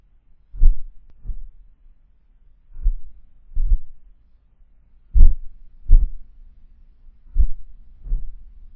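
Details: Heartbeat: deep paired lub-dub thumps with long pauses, slow and regular at about 27 beats a minute.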